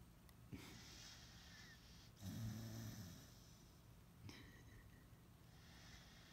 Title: Mini Pit snoring